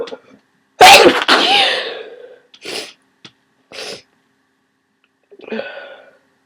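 One loud, forceful sneeze followed by short sniffs and breaths; explosive sneezing with a head cold.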